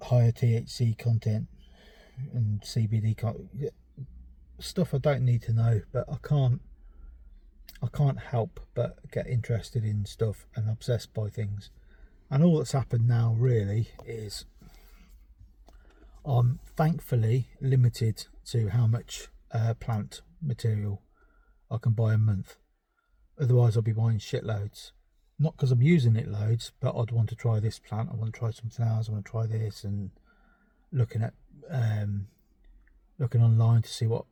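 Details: Stuttering in an adult man with ADHD who reports a stammer causing avoidance of words he can't produce, word substitution, pretending to forget, and restarting sentences.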